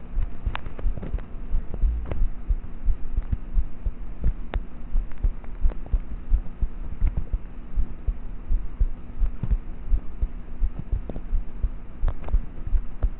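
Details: Own heartbeat of a person about thirteen, recorded at night in bed with a cheap mp3 player microphone: quiet, muffled beats at about 86 a minute under steady hum and rubbing; normal heart sounds, poor quality.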